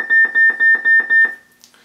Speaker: the way that alarm sounds is when the doctor is using the stimulating probe and if the the probe touches a nerve and that neuron fires to the target muscle that's being monitored and these electrodes feel or record a corresponding muscle response then the nirvana is designed to detect that evoked response and alarm